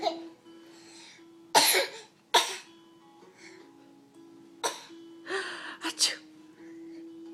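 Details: Mason pretending to sneeze, saying "achoo": repeated sudden bursts of air, some in quick pairs, over a steady background tone; simulated sneezes.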